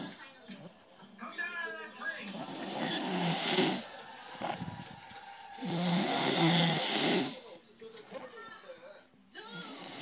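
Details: Snoring during sleep: loud, rough snores on two long breaths, with softer breathing between and faint background noise.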